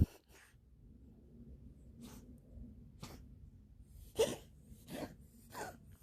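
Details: Cat sneezing and hacking up a hairball: repeated short, sharp sneezes and snorting hacks, about six bursts.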